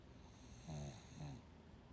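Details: Two short, low, rattling snores about half a second apart over a steady background hiss; snoring recorded October 17th 2018.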